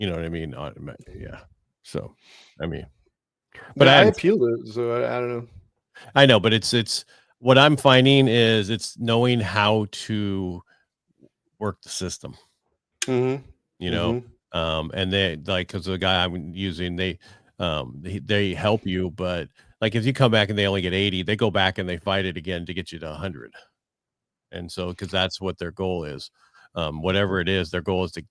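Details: Adult male speaker; typical speech.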